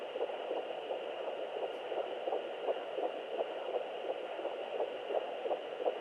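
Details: Fetal heartbeat on Doppler at 11 weeks of pregnancy: rapid, regular whooshing pulses at about 170 a minute over steady Doppler hiss.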